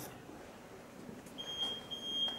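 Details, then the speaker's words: High, thin electronic error alarm from a laparoscopic CO2 insufflator showing "RTP deactivated" with a red cross during a valve check; the insufflator will not start. "What is this? This is an alarm, this is an error. Relay transport protocol is deactivated."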